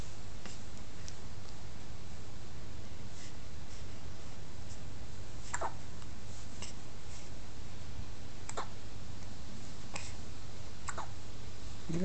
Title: I got hiccups